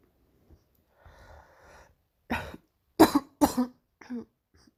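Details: A breathy intake, then three to four harsh, forceful coughs and a softer fourth; painful morning cough.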